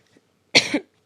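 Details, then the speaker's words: A single short, harsh, somewhat throaty cough burst in a quiet room from an adult woman who says she has just started getting a mild head cold with sinus symptoms. "it's been like just started getting like a little head cold like I don't feel crappy at all I don't feel sick I don't feel anything I'm just like little sinus"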